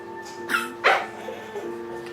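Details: A child gives two short, harsh barking coughs that sound like a puppy's bark, over steady background tones: barking cough.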